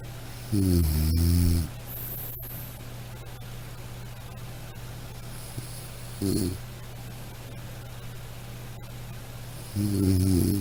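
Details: Three deep, rumbling snores at irregular spacing, with quiet stretches between, over a steady low room hum; snoring.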